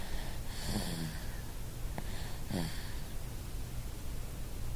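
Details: Cal snoring in bed in the morning: two short snorting snores on the in-breath over a low hum; louder and more snore-like in person than recorded.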